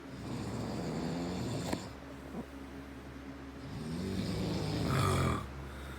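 Low, rough rumbling snores on the in-breath, one long snore followed by a second, over steady background hum.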